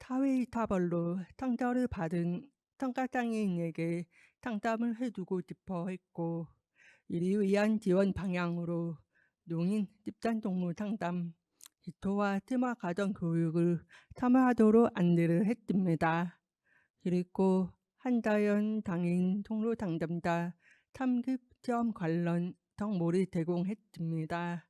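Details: Deaf adult woman with a left-ear cochlear implant received two years ago, followed by speech-language therapy; she warns her pronunciation may be unclear; Deaf speech (cochlear implant user).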